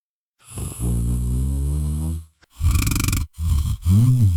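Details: Muffled, low snoring sound effect simulating a neighbor heard through a wall: a long droning inhaled snore, then rougher rattling snore breaths; snoring.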